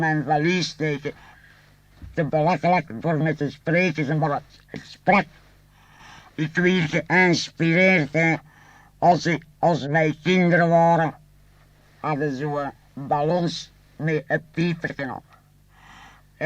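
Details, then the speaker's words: French speech recorded in 1964 from a laryngectomy patient using a pneumatic artificial larynx, a membrane driven by lung air from the tracheostomy and piped by tube to the mouth; buzzy, reedy, fairly flat-pitched voice. "a group of appliances which have a membrane set in motion by air expelled from the lungs through the tracheostomy the sound thus produced is conducted by means of a tube to the mouth"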